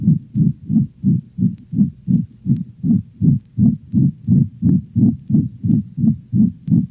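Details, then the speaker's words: Dog, heard along the cranial left ventral thorax: rapid heartbeat with a loud, high-frequency crescendo-decrescendo (diamond-shaped) systolic murmur that obscures other heart sounds; pulmonic stenosis murmur. "notice how the loud intense sound heard with pulmonic stenosis may obscure other heart sounds"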